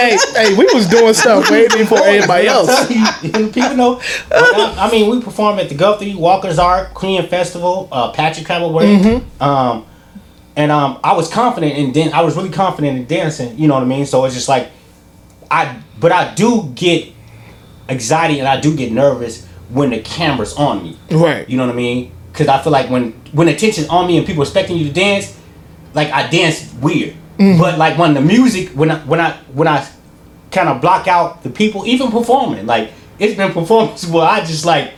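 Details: Stuttering in a podcast participant who self-reports stuttering and describes it as an insecurity.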